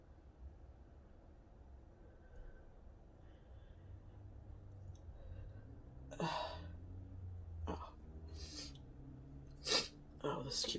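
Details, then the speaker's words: Quiet breathing, then several sharp sneeze bursts near the end, some in quick pairs; repeated induced spray sneezing from nasal tickling, person unsure whether sensitive or allergic to the object used. "I'm getting so many doubles ow oh my God I don't know how many gone times have sneezed so far"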